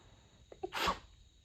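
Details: In the middle of the night, during a very long fit of 32 sneezes covered with a light blanket: a short catch of breath, then one quiet, stifled sneeze against a faint steady hum; sneeze.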